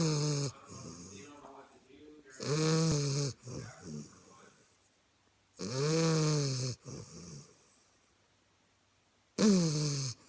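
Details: Bulldog snoring: loud, harsh snoring noises on three breaths, each followed by a softer rattling exhale and pauses.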